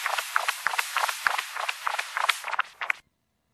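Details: Doppler flow in a cat with a VSD, mitral stenosis and tricuspid insufficiency: harsh, continuous turbulent whooshing with pulsing accents near 200 per minute, from mitral stenosis with mitral regurgitation.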